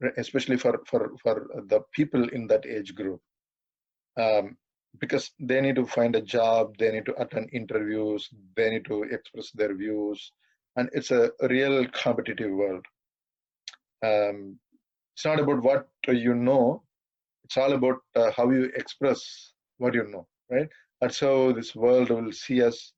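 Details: 42-year-old man who has stammered all his life through school, college and work, and says he stammers occasionally in this talk; stuttering.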